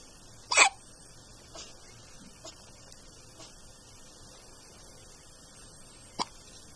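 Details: Baby with hiccups: one sharp hiccup, a few faint ones, then another clear hiccup about six seconds later over quiet room noise.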